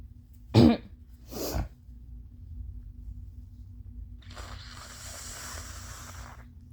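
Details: An adult with allergies gives two short, loose, phlegmy coughs, then a long nose-blow: wet productive cough.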